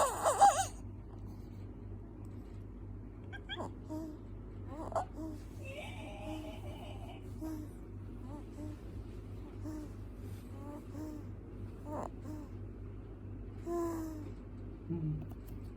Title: Sleeping making noises while sleeping #newborn #sleepingbaby